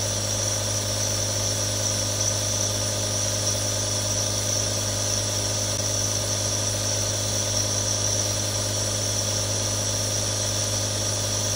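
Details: Real recording of nebulizers running normally: a steady, continuous mechanical hum with hissing airflow, unchanged throughout.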